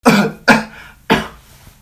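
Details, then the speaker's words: Voluntary cough demonstrating the effective-coughing technique after drinking warm water and sitting upright: three short, forceful dry coughs in quick succession. "Oke kita akan mempraktekkan cara batuk efektif"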